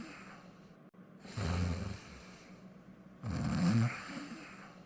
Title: The Pink Panther Snoring Quietly in 34 seconds (Fafa and Blue's World version)